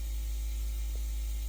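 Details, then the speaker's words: AIROS 8, an 8-chamber pneumatic sequential compression pump, inflating leg sleeves for circulatory problems in the legs while the user sits with head elevated: steady low motor hum with faint hiss. The user says it feels like a gentle massage. "It's just kind of getting inflated. It's feeling, it's relaxing, you know, it's feeling like a very gentle massage."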